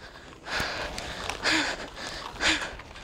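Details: Heavy breathing associated with stuttering in a female high school student, present since about age six or seven. Her stutter shows as nervous energy, mainly when excited or anxious, and she disguises it, for example with a clicking sound.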